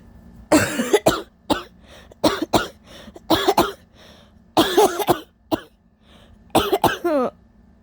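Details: Sick adult with several days of allergies, an overnight sore throat and lost voice: sneezing and intense fits of repeated harsh, rattly, scratchy wet coughs in short bursts with gasping breaths between them.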